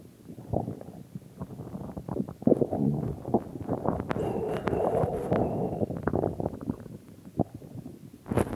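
Continuous gurgling and rumbling with squeaky, bubbling passages: ordinary stomach growling, normal gut activity.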